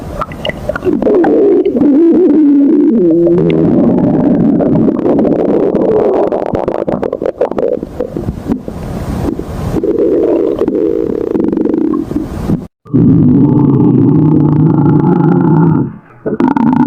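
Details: Dog's stomach growling recorded close to the microphone for 2 minutes: loud, continuous low rumbling and droning gurgles with brief breaks; borborygmi.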